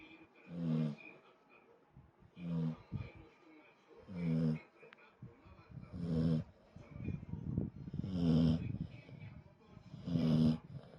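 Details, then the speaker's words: Dog Mū, fast asleep after lunch in an air-conditioned room: loud snoring, regular low rumbling snorting bursts about 31 a minute, growing louder, over a faint steady room hum; snoring. "※ムーちゃん爆睡中※いびきをかいて寝ています🤭"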